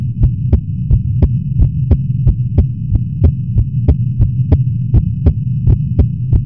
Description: I pretty much just recorded my heartbeat once I woke up. It's a little fast.